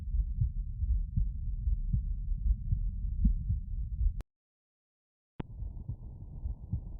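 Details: Normal heart sounds heard by stethoscope auscultation: steady low thumps, about 79 beats a minute, with a brief silent break.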